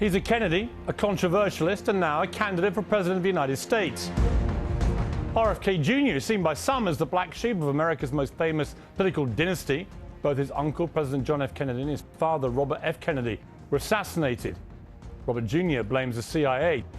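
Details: Adult male narrator; normal voice.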